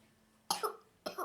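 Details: Young daughter with a dry, exhausting cough, in bed being given hot milk with soda, honey and butter: two short, harsh coughs without rattle or phlegm, a dry non-productive cough.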